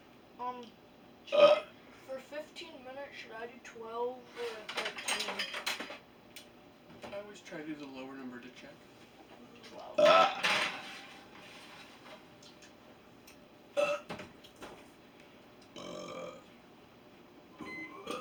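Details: Deliberate burping between an adult and their nephew's school-age best friend: several loud, drawn-out voiced belches with chatter and laughter in between.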